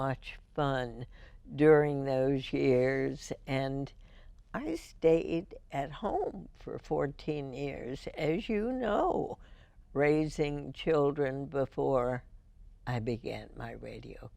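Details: Adult female radio host first diagnosed with spasmodic dysphonia in 1998, treated every four months with botulinum toxin injections into the vocal cords; spasmodic dysphonia.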